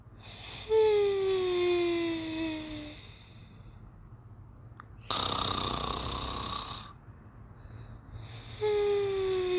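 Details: Sleeping otter snoring: long, falling, whistling breaths alternating with a noisy, airy breath.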